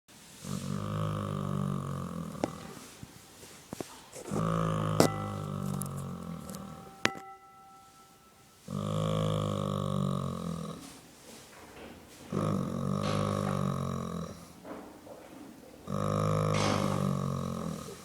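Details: Snoring in a sleeping horse: deep, rumbling, drawn-out breaths about every four seconds with quiet gaps between them.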